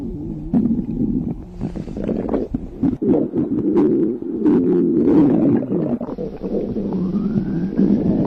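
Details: A person's stomach growling (borborygmi): continuous low gurgling and rumbling with squeaky rising tones.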